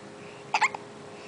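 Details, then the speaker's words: 1-month-old baby boy with hiccups: a single short, abrupt hiccup with a faint catch after it. "You got the hiccups."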